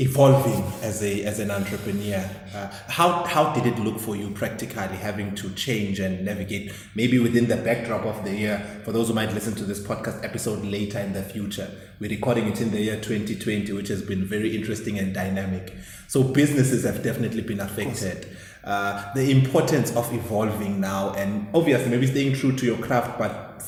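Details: Adult male speaker; normal speech.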